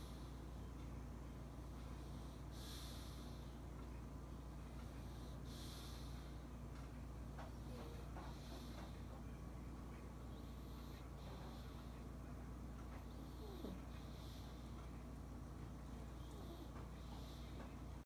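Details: Sleeping female Pug snoring in a dog bed she took from a poodle mix puppy: regular hissing, snorting snores about every three seconds, roughly 20 breaths a minute, over a steady low hum.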